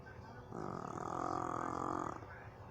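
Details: Jug dog snoring while asleep on owner's lap: a single drawn-out, rumbling, buzzy snore with faint room noise before and after.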